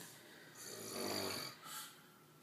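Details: A man asleep in bed, who claims he doesn't snore, gives a rough, fluttering snore on a breath in, followed by a softer, shorter breathy sound: snoring.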